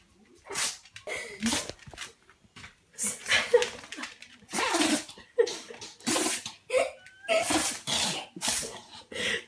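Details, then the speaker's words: Female pug sneezing fit: about ten sharp, bursting sneezes in nine seconds with snuffling between; the owner suspects something in her nose and mentions a hole in the top of her head. "What's the matter? Have you got something in your nose? Bella, what's the matter?"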